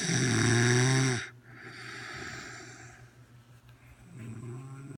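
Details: Adult woman snoring loudly after a big chicken dinner: a loud, buzzing snore on the in-breath, then a softer breathing-out phase and the start of the next snore.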